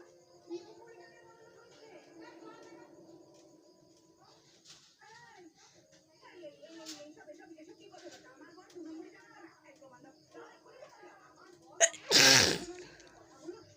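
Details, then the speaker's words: Self-recorded real, unprovoked repeated sneezing bout; the sneezer reports a ticklish nose and headache from sneezing: soft catching breaths and small nasal sounds building to one loud, explosive sneeze. "তো গাইস হাঁচি দিতে মাথায় যন্ত্রণা শুরু হয়ে গেছে। তো এগুলো ফেক না, এগুলো রিয়েলি হচ্ছে।"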